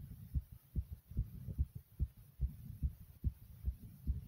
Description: Listen carefully as my heartbeat is super fast but then slows down to normal pace.